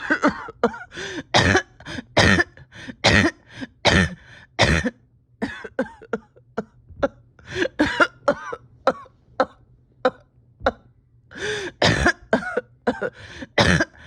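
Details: Repeated harsh, strained cough bursts in clusters with throat-clearing between them: a painful cough in a patient with a tight chest whose oxygen levels are holding steady after a rough weekend.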